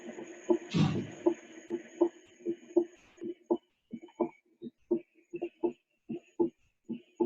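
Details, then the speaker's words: Normal first and second heart sounds played as a teaching example in a cardiovascular physiology lecture, regular paired sounds about 80 beats a minute. "entonces escuchen esto ahí van a escuchar primero y segundo ruido normal"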